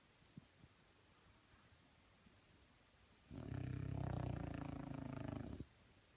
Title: Frenchie Snoring